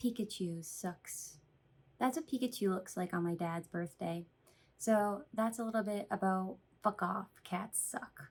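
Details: Vocal tics with coprolalia in a female with Tourette syndrome.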